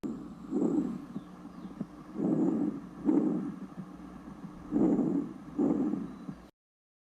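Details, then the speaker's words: Normal bronchovesicular breath sounds: steady cycles of moderate intensity and medium pitch, heard between the scapulae and beside the sternum at the first to second intercostal spaces. "murmullo bronco es circular sonido de intensidad moderada y de tono medio se localiza entre las escápulas y por fuera del externo entre el primero y segundo espacio intercostal"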